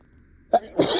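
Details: Acted sneezing fit in a simulated scenario of a teacher sneezing while teaching a class: a sharp intake, then an explosive burst into a second forceful release; sneeze.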